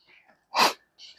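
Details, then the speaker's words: Simulated sneeze acted out while reading a children's book aloud: brief soft talk, then a single short sneeze-like burst; sneezing. "I cannot stop snee a sneezing. Oh no. What if What if What if pigs make me sneeze?"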